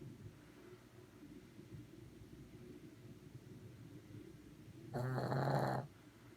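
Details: Sleeping Shih Tzu dog: soft, low rumbling snoring, with a brief loud tonal noise near the end.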